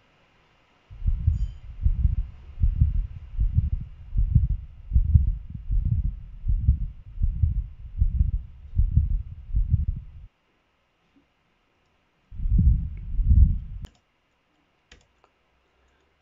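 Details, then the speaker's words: Continuous machinery murmur of patent ductus arteriosus, present through both systole and diastole, rumbling and swelling with each beat at about 78 a minute. "fíjense como es un soplo que está presente tanto en sístole comen diástole todo el tiempo está soplan"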